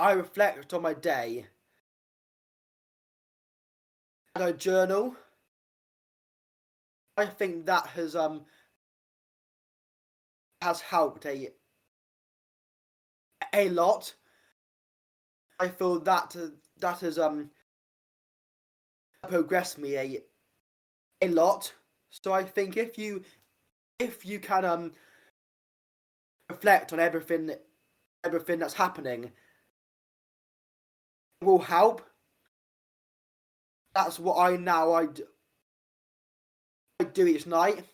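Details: Adult man who has stammered since age five, with blocking and repetitions that worsen under stress; pauses, repeated words and fillers; stammering (stuttering).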